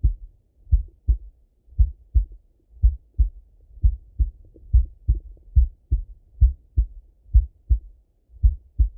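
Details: Male heart auscultation through a stethoscope, recorded either sitting at a desk or lying in bed: clear paired lub-dub sounds, regular at about 80 beats a minute, quiet between beats; normal heart sounds.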